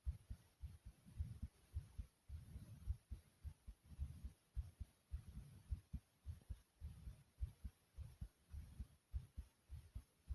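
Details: Self-recorded heartbeat of the uploader, described as racing: fast, regular, low thumps at about 105 beats a minute, a rapid heartbeat (tachycardia).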